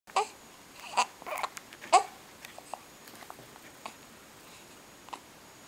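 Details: Infant hiccups: sharp little gulping catches about one a second, with soft fussing between them.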